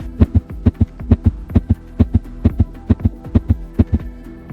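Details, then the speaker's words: Simulated heartbeat in caregiver training, regular paired thumps at about 130 beats a minute, with music: heart rate above 100 beats per minute, tachycardia. "y por encima de los 100 latidos por minuto la denominamos táctica de noche para tan sólo por ella pensando en ella [Música] y sería algo como esto"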